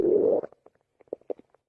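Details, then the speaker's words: Stomach growling heard at the belly button: a low, drawn-out gurgle followed by a few soft bubbling pops; ordinary borborygmi. "Wait. Her belly button is singing. Ooh, pretty cute."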